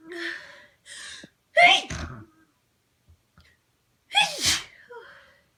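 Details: An adult with a sensitive nose, possibly an early cold or allergies, induces sneezing with rolled-up tissue: two forceful sneezes, each with a sharp inhale and explosive burst.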